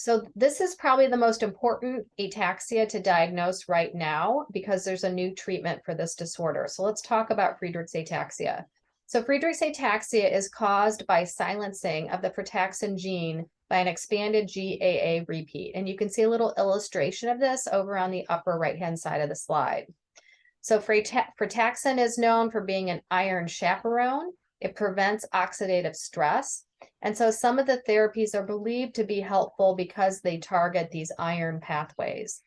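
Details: Adult woman lecturing; normal fluent speech.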